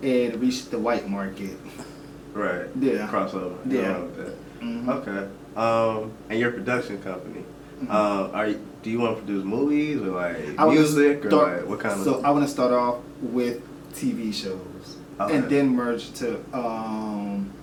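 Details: Adult male speakers in conversation; no disorder.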